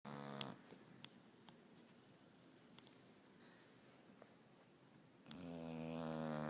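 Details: Sleeping dog with a slight snoring problem: two brief nasal snore sounds with a quiet stretch between and a few faint clicks; light snoring.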